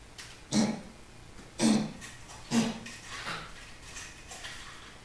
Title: Foxy's coughing